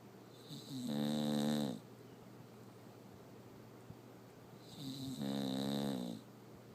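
Two loud, buzzing, tonal snores about four seconds apart, each lasting about a second, typical of a short-nosed dog's noisy breathing in sleep.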